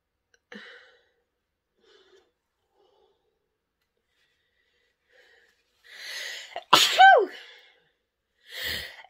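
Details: Woman sniffing pepper to provoke sneezing: faint sniffing, a rushing inward breath, one loud sneeze, then a noisy exhalation; induced sneeze.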